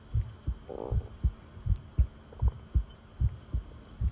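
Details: Long-duration heart sound recording: steady thumping heartbeat at about 79 beats per minute with paired low beats and a faint background hum; normal heart sounds.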